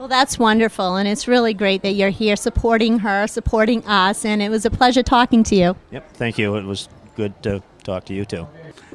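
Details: Adult woman and a second speaker in conversation; Ordinary conversational speech.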